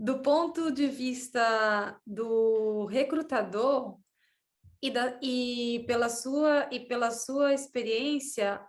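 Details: Woman interviewer who describes herself as a person who stutters, speaking Portuguese; stuttering.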